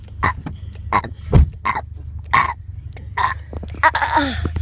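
A run of short, low, throaty gulping bursts, about seven in under five seconds, consistent with repeated burping.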